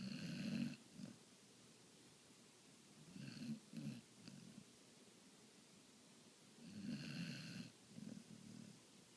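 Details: Snoring: three rough, rattling snores on the in-breath, each followed by softer sputtering out-breaths, about one breath every three seconds.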